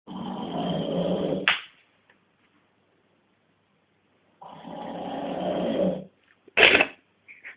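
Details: Man filmed by his girlfriend while asleep after a hard day: loud, long, rattling inhaled snores, each about one and a half seconds, separated by silent pauses; deep, heavy snoring.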